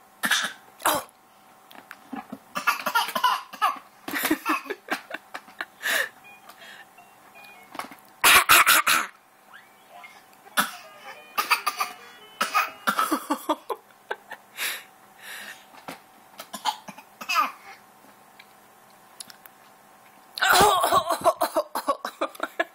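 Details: A baby girl gives repeated short, playful coughs in bursts, coughing on purpose just for fun and to make noise, not from illness; voluntary cough.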